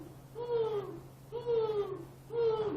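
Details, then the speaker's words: Adult's vocal imitation of wheeze: three drawn-out whistling, musical breaths mimicking expiratory wheezing from a narrowed airway as in asthma; wheeze (imitated). "When it's narrow, now the air is going to a narrow passageway, and it's creating this whistling sound, this wheezing sound."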